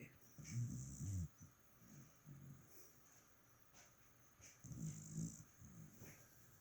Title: Who's snoring?